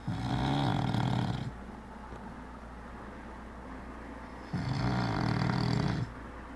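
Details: Snoring in a sleeping man: loud, low, rumbling snores on each in-breath, two in about six seconds, with quieter out-breaths between.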